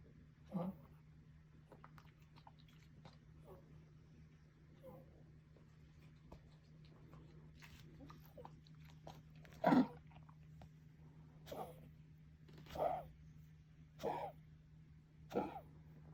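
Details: A pet dog gives about six short, dry cough bursts, mostly single, against a steady room hum: dog cough.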